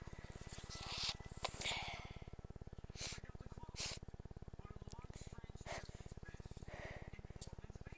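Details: Stifled sneezes in a sneeze fit after waking at 5 am, held in so as not to wake the house: about six short, muffled bursts in quick succession over a steady mechanical hum.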